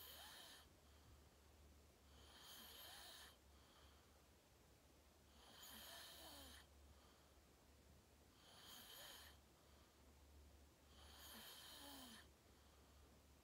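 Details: Self-recorded sleep video, fell asleep at 8:45 in deep REM sleep, tagged sleep apnea: regular hoarse rasping inspiratory snores, about five in thirteen seconds, over a low room hum; snoring.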